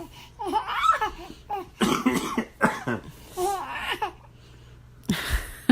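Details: Young child gives a few short deliberate fake coughs mixed with high-pitched giggles, imitating a cough in play: voluntary cough.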